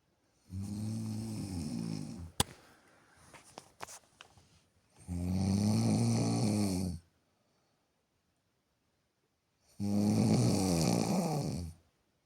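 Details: A female partner snoring in sleep: three loud, rattling snores on inhaling, about 13 breaths a minute, separated by quiet pauses with a few faint clicks between.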